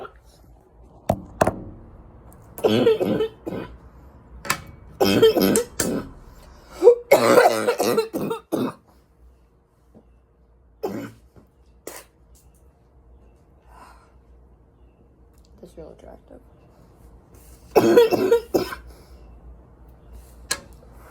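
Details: An adult smoker with winter allergies gives several deep, harsh barking coughs in short clusters, with a rattly, chesty quality.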